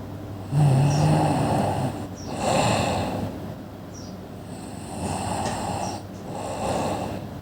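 Steady rasping snores, about four breaths in seven seconds, over constant low background hum; loud habitual snoring.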